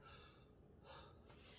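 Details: 32-year-old man taking repeated deep breaths on cue while auscultated over the back during a nursing respiratory assessment; breath sounds loud and clear in all four quadrants; normal deep breathing.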